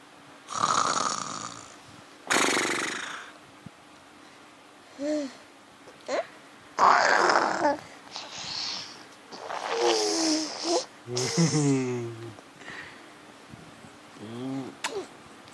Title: imitate snore